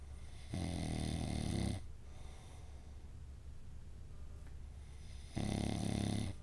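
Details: Adult man snoring at 5 am, keeping his buddy awake: loud, low, rattling snores on inhalation, separated by quiet pauses of several seconds, over steady room hum.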